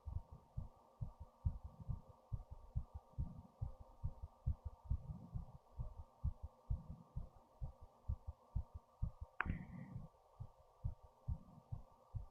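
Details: Person's own fast heartbeat after standing up, heart racing and breathing fast, recorded with a headphone speaker; rapid regular low thumps at about 130 a minute over a hum, one brief sharp noise; tachycardia.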